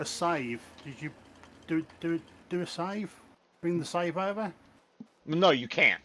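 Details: Adult male speaker; normal speech.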